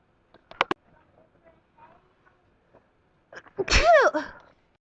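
A few small sniffs and catches, then one loud explosive sneeze with a voiced cry at the end.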